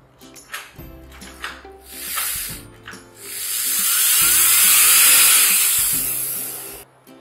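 High-pitched whirring drill runs for several seconds after brief clicks and taps, with faint music underneath: a dental implant drill at work.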